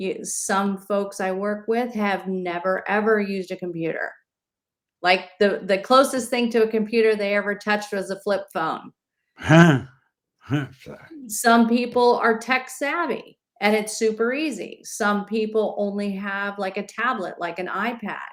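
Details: Adult woman speaking; typical speech.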